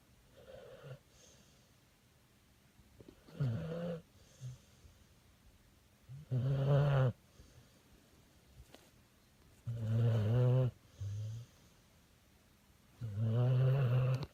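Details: Bully pit dog snoring in sleep: deep, rumbling snores with each breath in, roughly 17 a minute, with quieter out-breaths between them; ordinary snoring.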